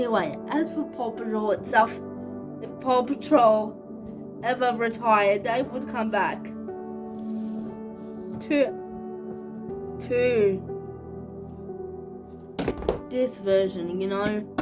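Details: 25-year-old woman with cerebral palsy, real, speaking casually to camera: speech in cerebral palsy.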